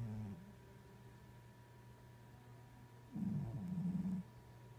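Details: Cat snoring like an old man.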